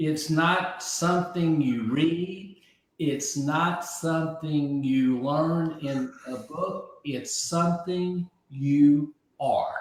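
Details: Aphasia after a stroke about 15 months earlier; at first he could not be understood at all, and he has since relearned over 20,000 words.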